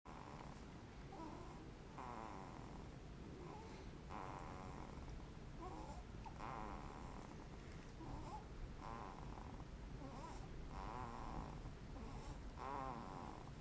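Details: Soft, rhythmic rasping snores on each breath, roughly 25 a minute, over steady room noise; snoring.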